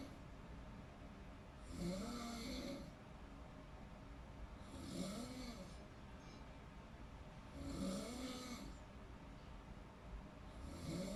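Regular rumbling snores on each breath in, about 20 a minute, against steady room noise.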